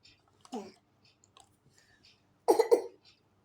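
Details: Young child coughing after drinking iced tea: a small cough, then a louder double cough, in a quiet room.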